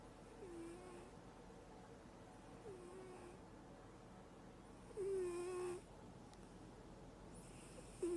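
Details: Cat snoring in its sleep.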